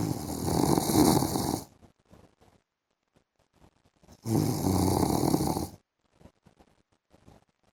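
Two long, harsh, rattling snores on the in-breath, each about a second and a half, separated by quiet pauses.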